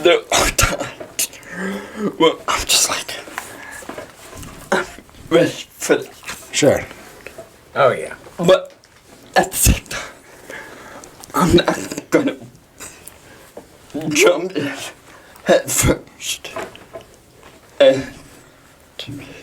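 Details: Dysarthria in a 23-year-old man with cerebral palsy, speaking in a podcast interview.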